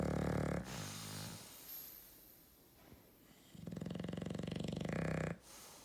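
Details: Loud, buzzing, fluttering snores on breathing in, separated by a quieter pause, in a snore-off. Snoring.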